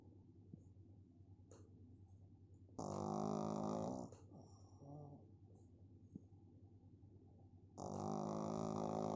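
Loud, buzzing, rattling inward snores about five seconds apart with a softer snort between; typical flat-faced dog snoring.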